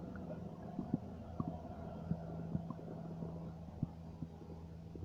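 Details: Low, irregular gurgling and rumbling with scattered soft pops and clicks over a faint steady hum: ordinary stomach noises (borborygmi).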